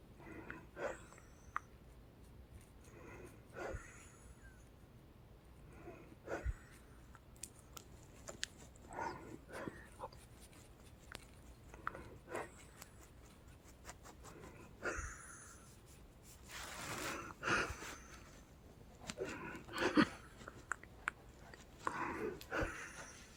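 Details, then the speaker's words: Labored breathing from a female patient after midnight once earlier lung wheezing subsided; heavy, noisy breaths in bursts, about 20 to 25 a minute, with no clear wheeze, before a breathing treatment. "Yeah, we can stop wheezing. Just breathing hard now."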